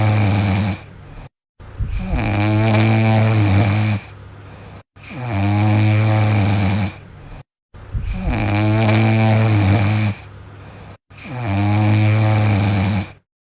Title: dog sound sleeping alone #funny#short#dog snoring